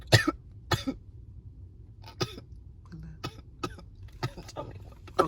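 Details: During a Covid-19 nasal swab test, with the swab about one inch into the nose for 15 seconds, several short, irregular coughs and throat-clearing bursts: a reflex cough set off by the swab.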